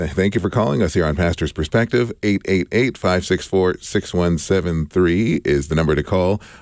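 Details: Adult male radio host; normal voice.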